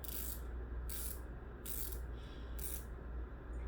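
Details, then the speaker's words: Ozempic injection pen's dose dial turned to 0.5 mg by an adult woman after seven months of use: four brief ratcheting clicks over a low room hum. "so then I'm gonna shake it again and I'm going to turn it you can't see it but I'm turning it to 5.0"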